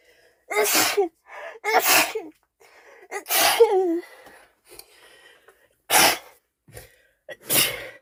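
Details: Girlfriend with a cold: a sneezing fit of about five forceful sneezes, some with a voiced squeal, separated by quick inhalations.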